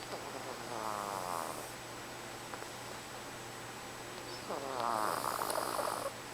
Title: motanul sforăie барсик храпит the cat is snoring